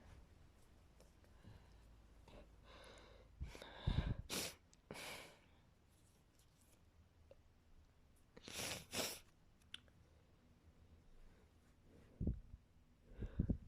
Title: 5 sneezes ❤️